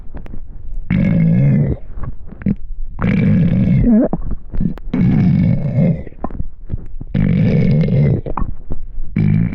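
Long, loud, low rumbling gurgles in repeated bursts; hunger-related stomach growling, a normal bowel sound.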